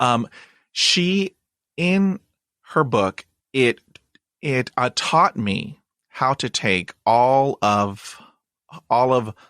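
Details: Man who stutters and says he still blocks and repeats when talking, speaking in conversation; stuttering.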